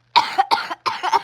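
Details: Three harsh coughs in quick succession, interrupting attempts to speak, during a coughing fit lasting about three minutes; repeated cough.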